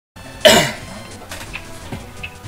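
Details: Single sharp cough burst, then quiet room noise, heard over a Skype call during a game stream, where another participant was heard falling asleep and snoring; an isolated cough.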